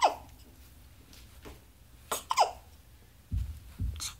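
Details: 6-day-old infant with a hiccup attack: several short, abrupt catching sounds, some followed by a soft low thump, in a quiet room.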